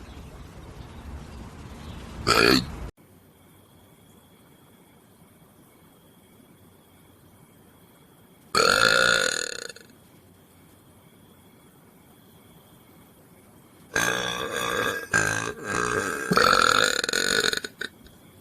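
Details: Animal burping: three separate loud belching bursts, each a second or two long, with near silence between them; burping.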